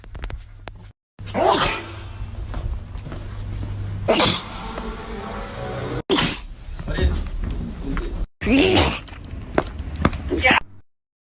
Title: Big Nose Man Sneezing